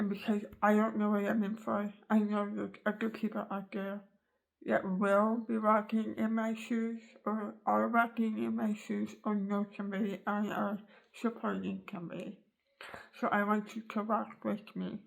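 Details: Adult woman with an articulation disorder after tongue cancer surgery removing almost all of her tongue, floor of mouth, bottom teeth and part of the jaw, with the tongue rebuilt from leg tissue sewn to her gums; she cannot use her tongue for words and is relearning to talk.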